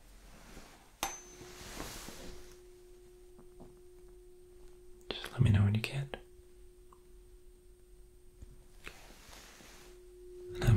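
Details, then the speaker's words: Simulated ASMR cranial nerve exam roleplay: a 512 Hz tuning fork is struck and held on the mastoid bone for the Rinne test, ringing with a steady pure tone to check bone then air conduction hearing. "behind you you'll hopefully be able to hear the vibrations through the bone like bone conduction and at some point when you can't hear it anymore let me know"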